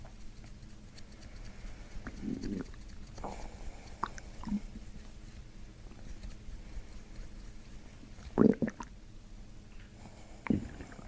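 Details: Abdominal bowel sounds (borborygmi) during chiropractic abdominal work near the belly button: soft, irregular gurgles and brief rumbling bursts over a quiet background.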